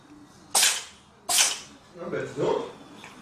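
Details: Cat sneezing: two sharp, hissy bursts about a second apart, then softer snuffling.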